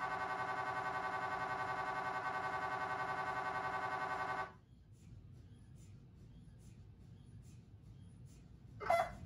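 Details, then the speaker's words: Loud steady buzzing drone with fast repeating pulses for about four seconds, then stops: axial diffusion-weighted single-shot echo-planar (DWI EPI) brain MRI sequence on a GE Signa Excite 1.5T scanner. "DWI Epi scan na karaniwang tinutukoy bilang diffusion weighted Imaging ay isang solong shot echoplanar Imaging protocol sequence"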